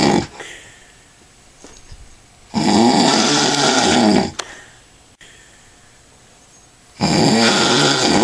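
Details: Man, the recorder's dad, sleeping after drinking a lot of alcohol: loud, rough rattling snores on each breath in, quiet pauses between, roughly 15 breaths a minute. Snoring.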